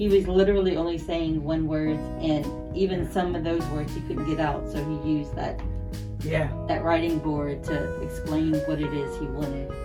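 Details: Adult speaker with guitar music in background; normal speech.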